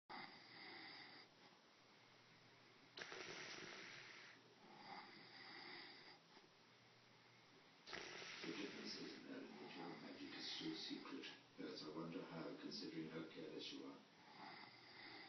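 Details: Man asleep, filmed by his wife: soft rattling snores on each breath, with wet bubbling and sputtering from blowing spit bubbles; snoring.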